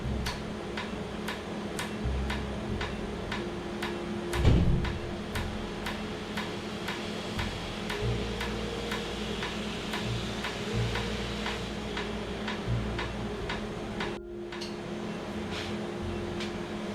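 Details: Laser tattoo removal after 30–45 minutes of numbing, with cooling air applied; patient says it feels like repeated injections: rapid regular sharp ticking pulses about four a second over steady machine hum.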